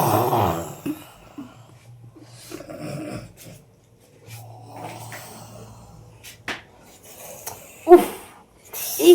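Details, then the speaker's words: Acted snoring, irregular low rough snorting breaths with pauses in a small room; a nephew's wife blames her aunt for loud snoring and passing gas that keeps her from sleeping. "দিয়া শুই, বাপরে বাপ কি নাক ডাকছে, উরে বাপরে বাপ, পাদের গন্ধ, ওর বাপ।"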